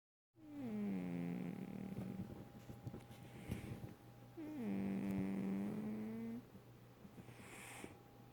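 Two long, buzzing, droning breaths from a sleeping cat, about fifteen a minute: snoring.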